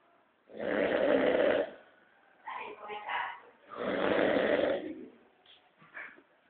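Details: Loud rattling snores on each breath in, with softer fluttering sounds on the breath out, from a sleeping animal snoring.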